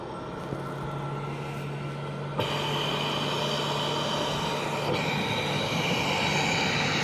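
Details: A used Omnia Health Comfort Cough mechanical insufflation-exsufflation (cough assist) device operating: steady motor hum with rushing airflow that steps louder partway through as it switches phases.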